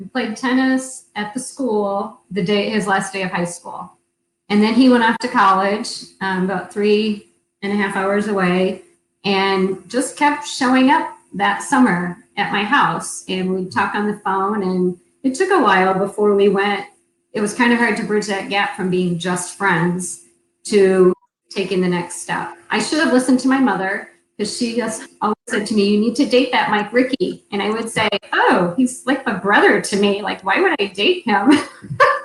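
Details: Adult woman speaking; ordinary speech.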